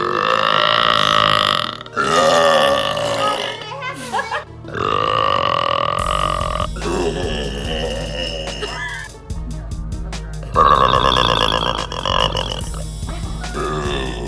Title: Girl Burps